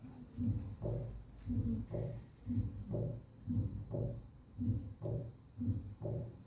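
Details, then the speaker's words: Third heart sound (S3 gallop) played in a physiology lesson on the cardiac cycle: regular low heart sounds at about 60 per minute in triplets, with an extra early diastolic sound. "Ese es el galope, tercer ruido. Tercer y cuarto son de galope."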